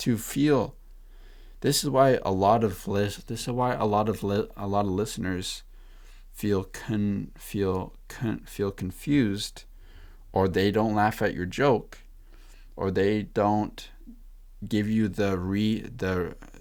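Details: Man who says he stutters: stuttering.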